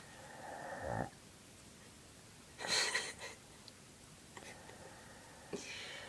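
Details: Mother snoring: whistling, tonal inhaled snore followed by a noisy, rasping snort on the out-breath, then a fainter repeat of the cycle.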